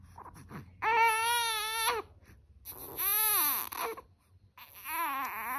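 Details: Infant at 5:33 am, noted to be burping every time, gives three sustained high-pitched cries with short pauses between them in a quiet room: infant crying.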